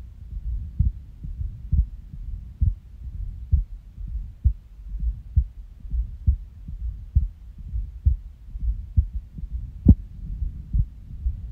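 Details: Resting heartbeat recorded after waking from a nap when the heart started skipping, stomach growls also present: soft low beat around 66 a minute with uneven spacing and occasional pauses; irregular heartbeat with skipped beats.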